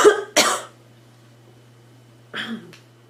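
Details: Girl coughing: two quick coughs then a softer cough a moment later in a quiet room.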